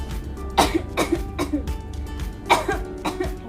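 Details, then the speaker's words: Acted demonstration of improper cough etiquette: five short, sharp coughs from an adult, with steady background music. "Hai kuning cantik berikut adalah batuk yang salah"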